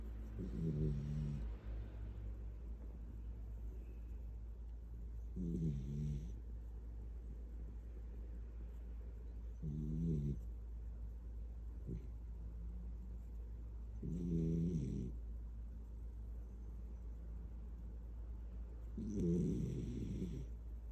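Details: Light-sleeping kid snoring in someone's arms for the first time: soft, low, fluttering snores about every four to five seconds, roughly 13 a minute, over a steady hum.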